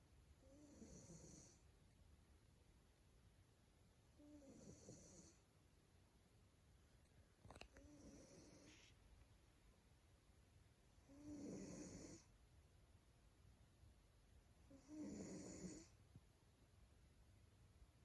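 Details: Male Maine Coon cat in deep sleep: soft, regular snoring breaths, about 16 a minute, each a brief rough rattle followed by quiet; snoring.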